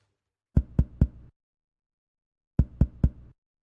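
Two sets of three quick, sharp taps on the chest, each followed by a brief low, hollow ring that fades quickly. This is the resonant percussion note expected over healthy lung fields, where air-filled lung carries the sound, unlike the duller note over ribs, heart or diaphragm.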